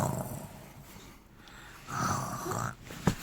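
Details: A child playing a game pretends to sleep and fakes snoring with a rough, drawn-out snorting breath and a short snort; imitated snoring, not real sleep.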